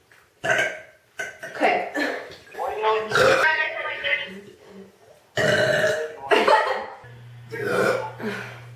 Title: More burping(: